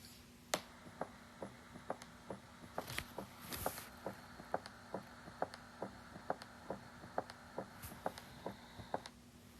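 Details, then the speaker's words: Teaching recording of an S3 gallop, with regular heart sounds about 68 a minute: a distinct soft third heart sound immediately after S2, from early diastolic filling of a pathologically compliant ventricle. "you'll notice that immediately after the second heart sound you heard a distinct third heart sound and that's s3"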